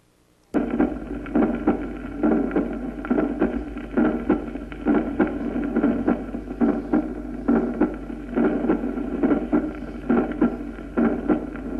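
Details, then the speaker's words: Aortic ejection click heard at the aortic focus, Erb's accessory area and the apex, typical of non-calcified valvular aortic stenosis. Regular heart sounds near 68 a minute with a sharp extra click right after the first sound. "el clic aórtico se oculta al nivel del foco aórtico en el accesorio de her y en la punta se encuentra sobre todo en la estenosis aórtica valvular no calcificada y su presencia apoya el diagnóstico de estenosis valvular escuchémoslo"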